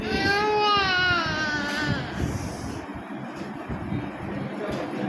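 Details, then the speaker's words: Infant crying loudly during a medical check-up procedure: a sustained wail breaking off into steady room noise while caregivers reassure the baby and hold the arm still. "તું તારે ખેંચ દેવી રોવે છે ભલે રોતો"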